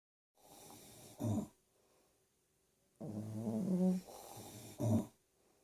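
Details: Pekingese dog snoring beside a person: two rattling, fluttery snore cycles, each ending in a louder low snort, in a quiet room.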